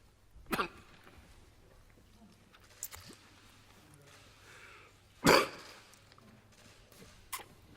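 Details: An adult man speaking in parliament about the coronavirus's economic impact breaks into a coughing fit: four short, sharp bursts in about eight seconds over quiet room hum; he later isolated awaiting a virus test.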